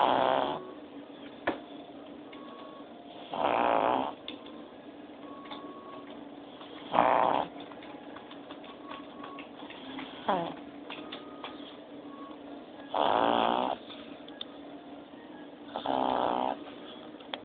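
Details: Cartoon character Cartman snoring, acted/simulated: five loud rasping snores at irregular gaps, about 18 a minute, over quiet room noise; snoring.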